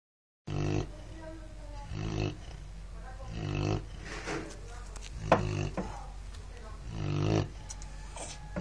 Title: Perro roncando